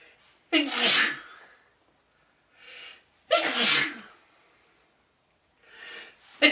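Two forceful sneezes, each preceded by a quick inhaling gasp, in a quiet room.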